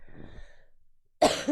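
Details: Coughing compilation of a 24-year-old streamer who says they cough a lot: a soft throaty sound fading out, then one abrupt harsh cough burst.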